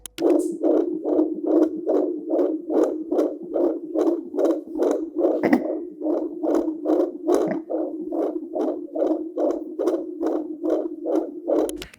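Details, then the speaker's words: Fetal heartbeat on a portable fetal Doppler in pregnancy, fast regular galloping whoosh-thumps about 140 a minute, described as heart valve sounds, distinct from slow wind-like placental flow. "if it's quick and Galloping means you found your baby's heart this sound is the baby's heart valve opening and"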